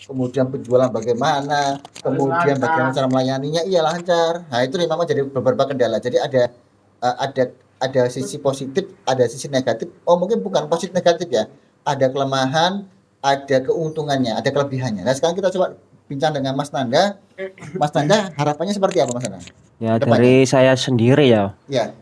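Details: Adult speakers in conversation; normal speech.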